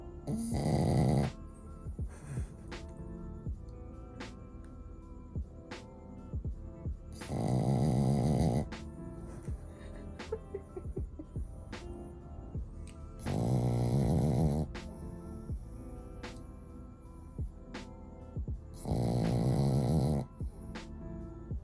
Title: SNORING SHIH TZU! | IVY THE SHIH TZU